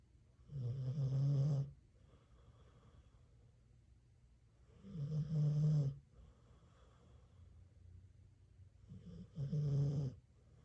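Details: Pitbull dog asleep in bed snoring, with an owner-described snoring problem: three loud, low, rattling snores at about 14 a minute, with quiet breathing between them.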